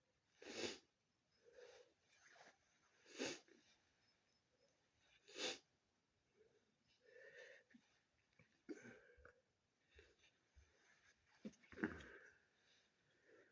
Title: Sneezing and nose blowing from my snotty cold